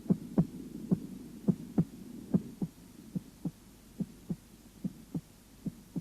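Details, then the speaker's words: Normal heart sounds at the cardiac apex: regular paired first and second sounds at about 72 beats per minute, with the first sound louder than the second and no murmur. "в норме на верхушке первый тон громче второго"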